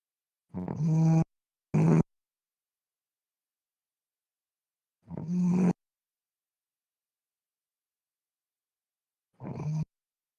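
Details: Four deep, groaning snorts at irregular intervals with long silences between them: loud voiced snoring.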